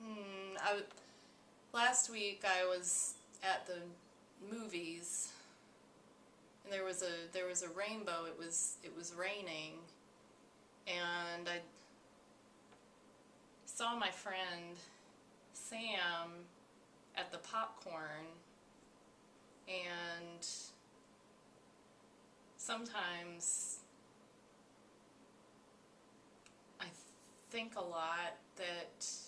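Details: Guided-practice case of disorganized speech with flight of ideas, a complete lack of connection between ideas, in an anxious-appearing woman.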